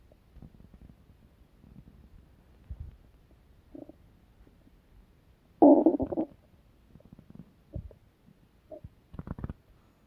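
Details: Stomach growling (borborygmi): quiet gurgles and one louder rumbling burst from the abdomen as gas and fluid move through the gut.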